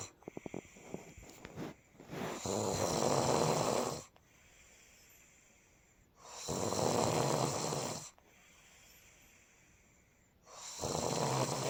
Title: Snoring part 2